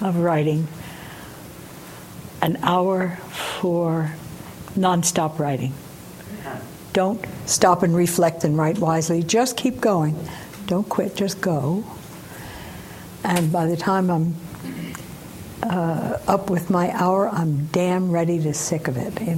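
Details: Woman aged 89, recovering from a left temporal lobe stroke; at onset her sentences came out as random words, and she still has difficulty completing syntax; aphasia after stroke.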